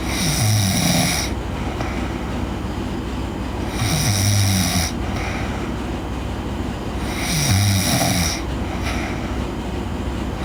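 Loud, regular snoring on each breath in, about three breaths in ten seconds, roughly 17 a minute, with a steady rumbling background.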